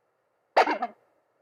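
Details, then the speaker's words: Home fetal Doppler at 13 weeks of pregnancy: a single brief scratchy thump over faint Doppler hiss as the baby moves over the probe, with a faint fetal heartbeat possibly in the background. "okay that was baby moving right over it that's baby moving"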